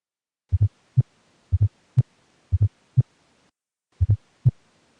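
Regular low heartbeat near 60 a minute; a soft extra sound falls just before the first sound of each beat, a fourth heart sound (S4 gallop).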